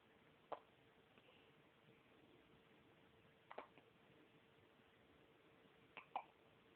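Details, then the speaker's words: A baby makes soft, abrupt little catches every few seconds, one of them doubled, in a quiet room: hiccups. "Hiccup? Uh-oh. You're the hiccup, baby."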